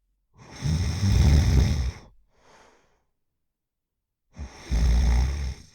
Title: Middle Aged Female Snoring Loudly Sound Effect